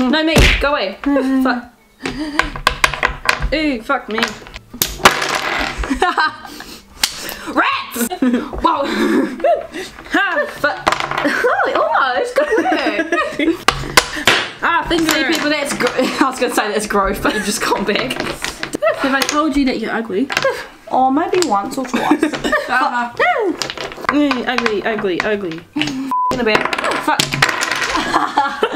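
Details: Tourette syndrome vocal tics, including repeated tic phrases with coprolalia.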